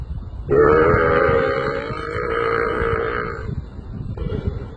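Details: Man deliberately burping at cows outdoors: a long, drawn-out, low rumbling belch lasting about three seconds, then a shorter one.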